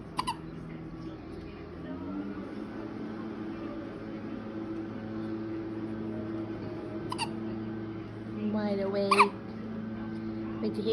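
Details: Infant girl, wide awake, giving several brief, sharp hiccups over a steady background hum in a quiet room; hiccups.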